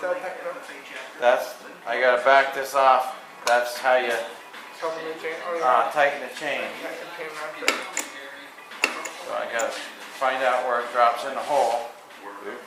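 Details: Adult man speaking; typical adult speech.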